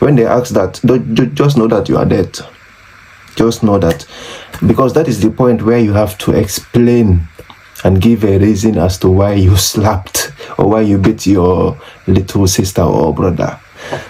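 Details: Adult man from The Gambia who has stammered since age six, very severe through junior and high school, especially struggling with p sounds; stuttering (stammering).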